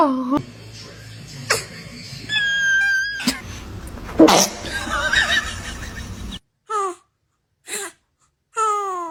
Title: Cutest Baby Sneeze Ever 😍💨 | You’ll Watch It Twice #babycomedy #babyreel #funny #kids